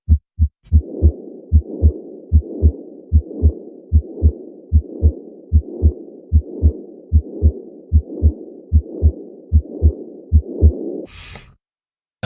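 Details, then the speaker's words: Steady heart sounds about 75/min with a rumbling murmur running unbroken through systole and diastole, as aortic pressure exceeds pulmonary artery pressure; best heard in the subclavicular region: patent ductus arteriosus continuous murmur, audio teaching sample. "aorta constantly has higher pressure than the pulmonary artery so blood will constantly be flowing from the aorta into the pulmonary artery so the murmur is considered continuous"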